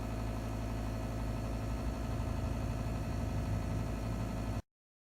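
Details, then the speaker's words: Nebulizer running for a male Zero bearded dragon, nearly 2 years old, with pneumonia and cough, in a makeshift chamber; 30-minute treatments twice daily; steady low mechanical hum with rapid pulsing from a compressor nebulizer. "well there is he's in his little chamber you can see that nebulizer blowing the médecins here on the side he's going to get two treatments a day 30 minutes and hopefully that's when I clear up is known"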